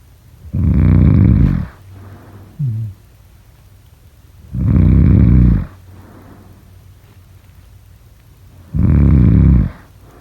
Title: #snoring #snoringasmr #sleepnoises #snoringsleepingsoundeffect